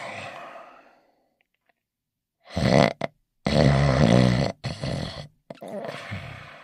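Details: Dog sleeping in its bed: irregular loud, rattling snorts and grunts separated by pauses; snoring.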